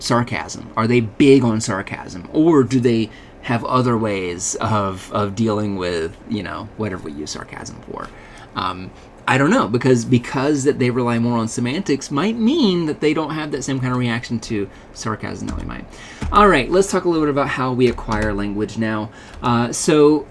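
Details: Adult male speaker; normal speech.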